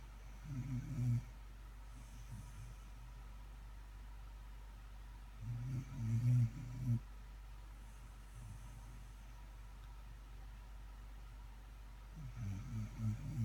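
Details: Dog snoring while asleep: low rumbling snores about every six seconds over a steady engine-like hum.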